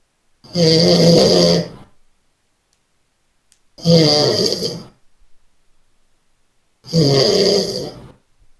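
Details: Person snoring during sleep: three loud, rough snores about three seconds apart, each a long rattling in-breath with quiet pauses between.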